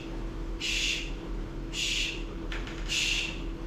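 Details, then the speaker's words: A lecturer on pediatric heart murmurs imitates a holosystolic murmur with three steady hissing bursts, unchanged in loudness from the first to the second heart sound, then dropping off. "There's no change really in the murder as it's going. And you it goes all the way from the first week to the second week. So it's a continuous for that period and then goes down."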